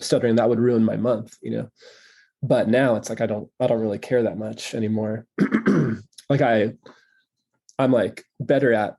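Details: Stuttering in an adult male who stutters openly and says he is getting better at owning it with age, in real conversational speech.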